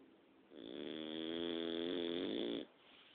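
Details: Dog snoring at night: a single drawn-out, tonal, buzzing breath lasting about two seconds with a steady whistling edge.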